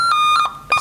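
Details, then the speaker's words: Supraventricular tachycardia shown on a patient monitor during a critical-care nursing defibrillator skills lab, with a very fast heart rate above 150 beats per minute. "supraventrikel takikardi Meme ini HPnya sangat cepat di atas 150 kali per menit"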